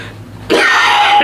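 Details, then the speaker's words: Faked cough in a coughing-up-blood prank: sudden harsh, throaty cough burst after quiet room noise. "today we're going to be coughing out blood you feel me without being said let's get right into the video"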